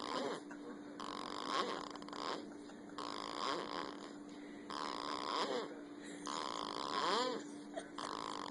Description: Funny this baby is snoring